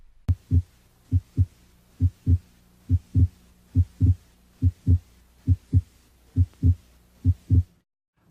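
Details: Cardiovascular examination demonstration, auscultation through the stethoscope diaphragm: regular paired heart sounds at about 70 beats a minute with faint hum, S2 louder than S1; normal heart sounds at the pulmonic area.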